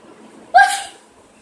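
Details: A girl performs a single short, sharp sneeze with a quick hissing tail, in a skit acting out types of sneezers.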